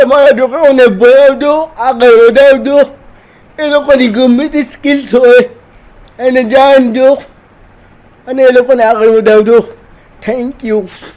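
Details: 30-year-old man speaking Gujarati who says he has cerebral palsy, is 80% handicapped and cannot move like a normal person.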